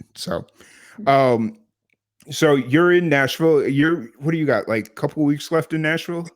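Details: Adult speaker; normal voice.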